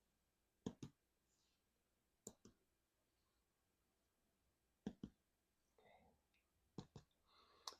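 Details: Dull percussion note during an adult's physical assessment.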